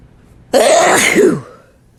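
A single loud, explosive sneeze with a brief intake then a sharp burst of air.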